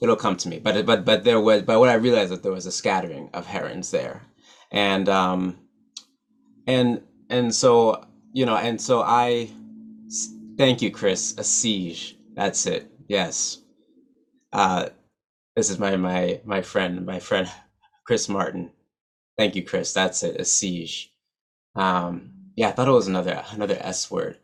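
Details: Adult man who stutters, real, not acted; stuttering.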